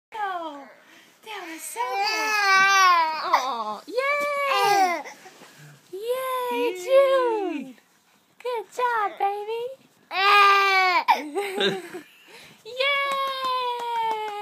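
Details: Infant boy fussing during tummy time, possibly tired: repeated wavering cries and whimpers with short pauses in a quiet room; infant cry.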